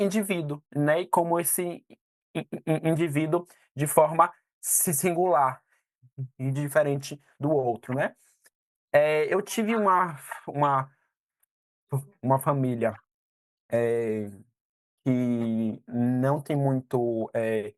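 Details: 22-year-old man who stutters; stuttering.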